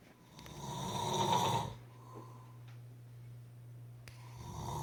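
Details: A single rough snoring breath, then quiet breathing and the start of the next snore, over a steady low room hum.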